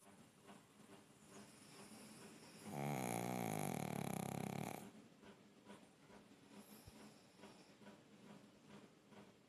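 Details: Female pug dog snoring: one loud, rough, vibrating snore lasting about two seconds, with quiet noisy breathing before and after.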